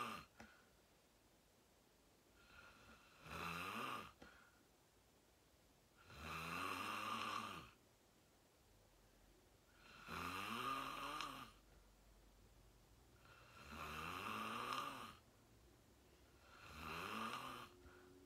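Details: Self-recorded sleep video, fell asleep at 8:45 in deep REM sleep, tagged sleep apnea: slow loud rattling inspiratory snores, about 16 a minute, in a quiet room; heavy snoring.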